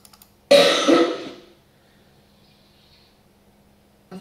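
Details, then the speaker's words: Simulated cough: a single harsh cough burst played back from an earlier recording to test a neural-network household noise detector, followed by quiet room hum. "so a couple other health related noises I trying to detect would be coughing I'm going to simulate it here by playing back some costs that we had recorded earlier"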